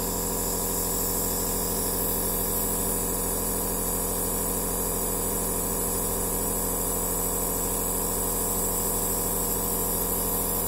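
Steady mechanical hum and buzz with a fast, even pulsing, about 130 a minute, from a running nebulizer machine.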